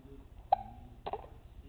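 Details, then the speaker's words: Baby boy with recurring hiccups while being talked to: two sudden, quiet, clipped catches of breath about half a second apart in a quiet room; infant hiccups. "too much talking give you the hiccups how'd you get those you get excited do you get excited to talk do you have too much to say"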